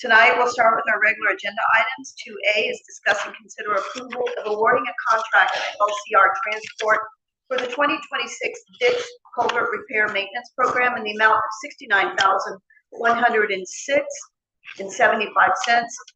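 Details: Adult speaker, council meeting microphone; Plain speech (no disorder).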